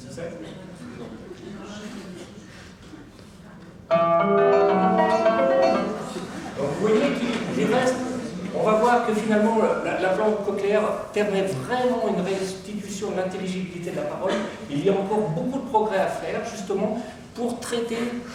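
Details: Cochlear implant simulation of music.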